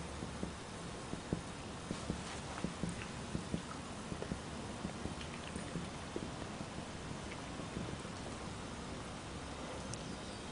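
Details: Medical-student teaching demonstration of finger-on-finger chest percussion: short dull taps over room noise, mapping the upper border of relative cardiac dullness near the left sternal line from the first intercostal space.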